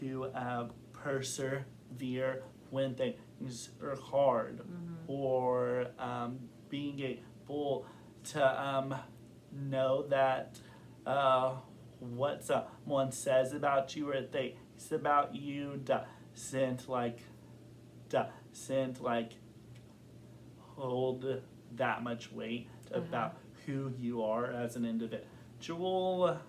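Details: Adult man who has stuttered since kindergarten, with recent blocking and severity and form varying over time; stuttering.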